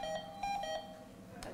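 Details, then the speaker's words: Ventilator connected to a training mannequin in critical care teaching: repeating high electronic alarm tones, airway pressure now normal but exhaled volume too low; ventilator alarm. "vous avez une autre alarme donc la pression est devenu normal et c'est le volume expiré qui est trop petit"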